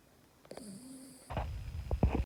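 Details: A sleeping pet dog, tagged as a puppy, snores: a thin whistling breath followed by low, rumbling snorts and grunts.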